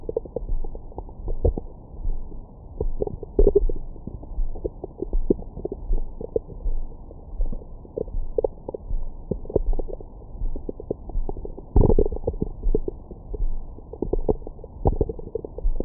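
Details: Active normal bowel sounds from the recorder's own belly after a large meal, recorded with a Stemoscope stethoscope microphone: frequent gurgles, rumbles and squeaks.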